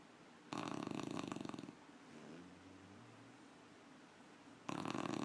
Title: Piggy puppy snoring!